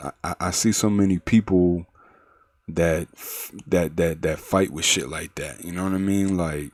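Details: Male podcast host with a developmental stutter, severe in middle and high school and mostly outgrown; he says it is still faintly audible, resurfaces when nervous, and he now controls it; stuttering.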